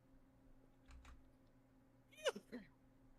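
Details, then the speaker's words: Single sharp, loud cough with a sneeze-like burst quality, followed by a brief second expulsion, clearing something stuck in the throat. "oh that was a cough sorry that was a cough huh oh my my cough sounds like sneezes"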